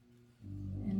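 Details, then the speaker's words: Snoring from a female rescue dog with prior nasal surgery, heard behind a closed door: low, muffled, rumbling breath sound that swells partway through in a quiet room. "sorry about the dog snoring i have the door closed and i know you can probably hear her"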